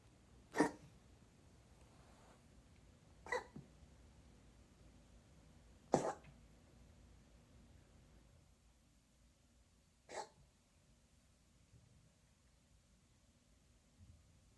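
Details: Dog giving four short, sharp coughs spaced a few seconds apart in a quiet room; cough.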